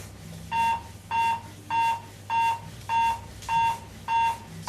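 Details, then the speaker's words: Steady, evenly spaced electronic beeps at 100 per minute from the built-in metronome of an AED7000 defibrillator, pacing chest compressions during CPR training. "beeping that you can hear is a little metronome that's built in to this model of defibrillator that is indicating a hundred times per minute so that's the speed you want to push at okay"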